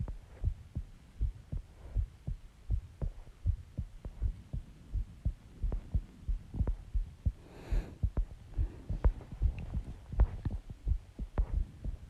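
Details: Own heartbeat recorded after eating eggs and ice cream and drinking Coke: steady low thumps in pairs, about 75 beats a minute, regular rhythm; normal heartbeat.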